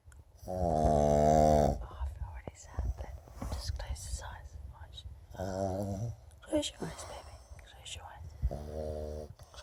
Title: Pug Dog Snoring